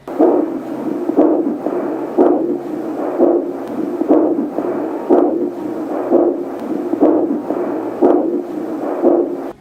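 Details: Slow, regular whooshing pulses at about 60 a minute heard on a COFOE JDB-100A home fetal Doppler on a pregnant woman's abdomen: the mother's abdominal artery pulse, in rhythm with her heartbeat, not the fetal heart.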